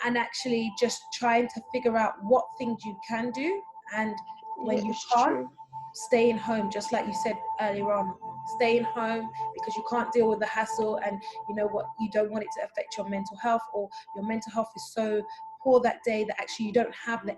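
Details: Adult woman speaking; typical speech.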